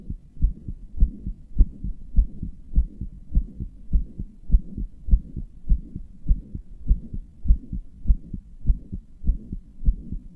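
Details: Regular low heart thumps at about 100 beats a minute with a faint continuous rushing between beats; a self-described weak, murmuring heart that also palpitates, which the person says they strained deliberately; heartbeat with self-reported murmur.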